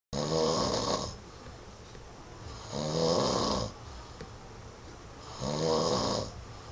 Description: Was trying out my webcam on my laptop and caught my husband napping after work. He says he doesn't snore...............yeah, right!